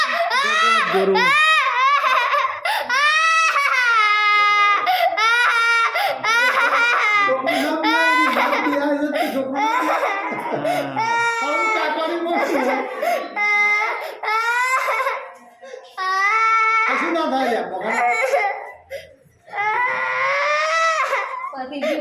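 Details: A young child cries loudly in repeated high wails and sobs during a blood draw for injection, with an adult's voice mixed in coaxing the child to recite rhymes and make a fist.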